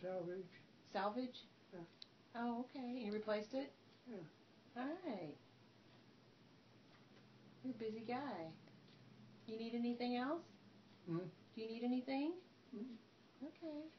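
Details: Adult man talking in his sleep, with a family member responding; sleep talking.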